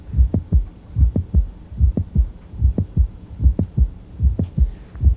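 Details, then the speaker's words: Heard at the apex with the stethoscope diaphragm: mid-systolic click between S1 and S2, sounding like dance steps, usually due to mitral valve prolapse, often from myxomatous degeneration of the mitral valve. "this mid-systolic click is usually due to something called mitral prolapse often due to mix um buddhist degeneration of the mitral valve"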